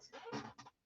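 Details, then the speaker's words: A brief, harsh, fluttering snort from a female dog lying by her owner's feet after getting too hot: ordinary dog snoring. "can you hear my dog snoring yes she was snoring and she's gotten herself too hot"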